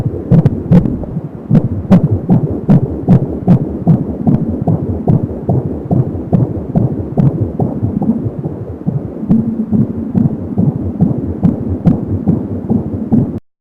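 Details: Fetal heartbeat at 30 weeks of pregnancy on a home Angel Sound fetal Doppler: rapid, regular galloping beat about 170 a minute with a whooshing umbilical cord sound.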